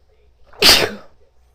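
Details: Woman's violent sneezes induced by sniffing black pepper and then a twisted paper towel in the nose; she reports burning beforehand.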